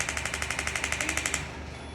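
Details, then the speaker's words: Radial shockwave device firing through plastic applicator for golfer's elbow at three bar pressure as warm-up, rapid even clicking about twelve per second then stopping; patient reports pain about three out of ten. "only about three out of ten so bear in mind that i can use the three bar pressure to warm this patient up to get the hyper simulation anesthesia"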